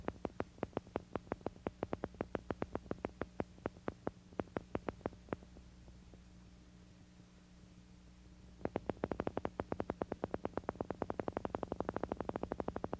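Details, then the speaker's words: Needle EMG: motor unit potentials with varying amplitude, heard as a train of repetitive clicks whose loudness rises and falls. This is characteristic of neuromuscular transmission disorders and is also seen in reinnervation after nerve injury and rapidly progressing ALS. "While mups with varying amplitude are characteristic of neuromuscular transmission disorders, they can also be seen in neurogenic disorders. The best examples are reinervation after nerve injury and rapidly progressing amotrophic lateral sclerosis."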